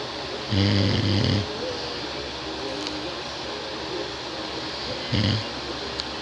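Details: Son snoring during sleep, described as too loud: two loud, buzzing snores about five seconds apart over steady room hum.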